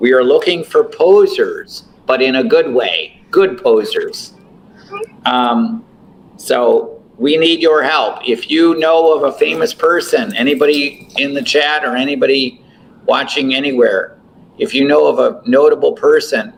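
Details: Adult male speaker; ordinary speech.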